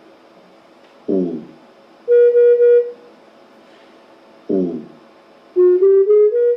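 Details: Brief voice-like prompts alternate with electronic tones, a steady pulsed tone then one stepping upward in pitch: brain-computer interface auditory feedback tone, presented in an implanted-BCI session on ALS neurotechnology.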